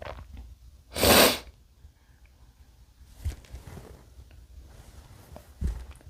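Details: Single sharp, explosive sneeze from an adult man, followed by quiet breathing and light room noise: sneeze.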